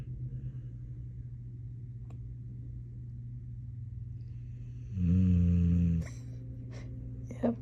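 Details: Snoring in a sleeping puppy: a steady low droning hum throughout, then a brief louder nasal snore near the end with small clicks.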